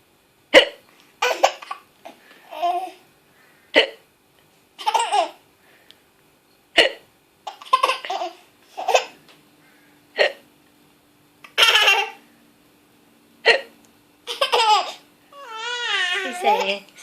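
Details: Short, sharp hiccup-like catches from an 8½-month-old baby girl, about ten over 17 seconds, mixed with bursts of baby laughter and babble; infant laughing at her hiccups.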